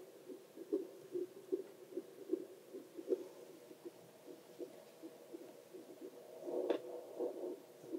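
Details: Adult heartbeat recorded on oneself with a Doppler probe for ASMR relaxation: rhythmic whooshing pulses at roughly 76 a minute, with scraping from probe movement; normal heartbeat.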